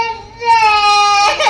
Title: Baby crying for sparrow #baby #babycrying #sparrow #birds #savebirds